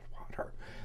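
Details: Abductor spasmodic dysphonia, a neurological disorder treated with botox. Intermittent spasms pull the vocal cords apart, so the voice suddenly drops mid-sentence to an involuntary whisper with just air; demonstrated as a whisper break.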